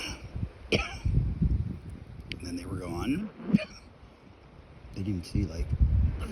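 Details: A few short, sharp coughs outdoors, with brief voice sounds and low background rumble.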